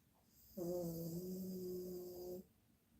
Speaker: can you hear her can you hear her can you hear her snoring